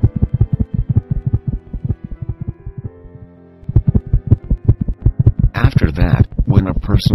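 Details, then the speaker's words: Simulated heartbeat with regular lub-dub thumps speeding up over background music, stated to rise from 72 to 95 beats per minute as the person starts walking: normal heart sounds at an increased rate. "now when the person start walking heart beating rate increased up to 95 BPM"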